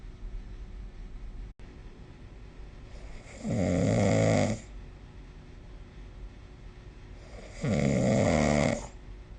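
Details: Snoring recorded with the SnoreLab app: two loud, rough snores about four seconds apart, each about a second long, over quiet room noise.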